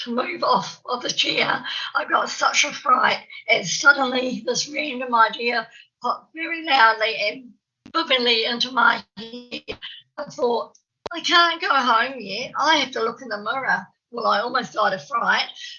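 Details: Real stammer (stuttering) in an adult woman from New Zealand who says she has a stammer, heard while she gives a conference presentation; stuttering.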